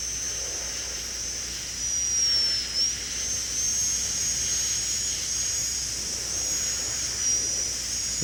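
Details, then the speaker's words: High-speed dental handpiece with a thin 6999 diamond bur slicing the interproximal area of a maxillary second bicuspid for a porcelain-fused-to-gold veneer preparation: steady high-pitched whine with hissing water spray, pitch dipping briefly under load. "next instrument that we will use then is is the 6999 diamond and that will be used to slice this inner proximal area"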